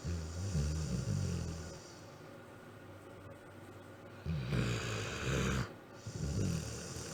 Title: My dog snoring